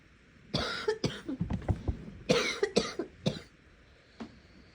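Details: Sick person coughing, getting wetter as it goes on: harsh, slightly rattly coughs in two bouts, about eight coughs, with a faint later cough.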